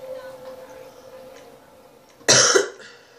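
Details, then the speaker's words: Sick person with 38°C fever coughs once: quiet room with a faint steady hum, then a single sharp, loud cough lasting under half a second. "Scusate se ogni tanto mi sentite a tossire o fare queste altre roba perché vabbè sono malato di nuovo sono con la febbre a 38"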